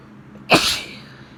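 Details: Woman sneezing once from spring allergies, pollen plus rainy cold weather, while recovering from illness: a sharp, explosive burst with a short fading tail in a quiet room.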